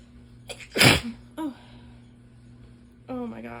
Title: Messy allergy sneezing fit into elbow